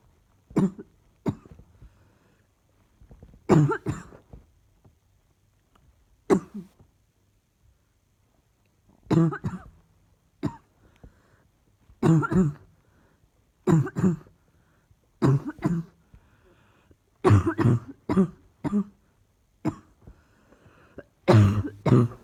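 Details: Repeated short coughs in small clusters, about twenty bursts over twenty seconds: an ongoing, persistent cough.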